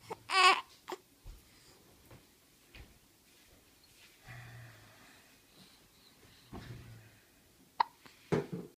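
Brief sharp catches at irregular intervals between soft baby babbling in a quiet room; hiccups.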